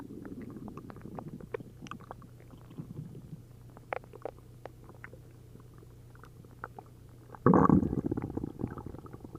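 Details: After drinking a liter of milk and a liter of prune juice, an upset stomach gives frequent bubbling, gurgling and popping noises with a loud surge of liquid rumbling near the end: hyperactive bowel sounds.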